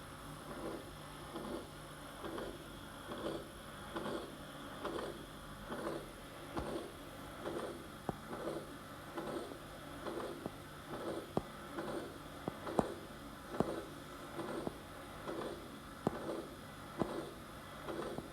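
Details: Aortic stenosis: regular heartbeat with a harsh crescendo-decrescendo systolic ejection murmur in each systole, soft S2, ejection click possibly present; most commonly age-related calcification in patients over 60.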